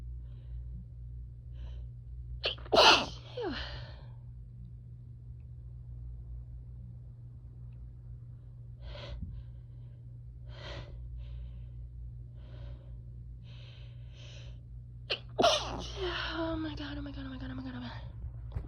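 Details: Sneezing and nose blowing after mistakenly sniffing grass/chhinkni: two forceful sneezes, each preceded by a sharp inward gasp, with quieter sniffing and breathing between them.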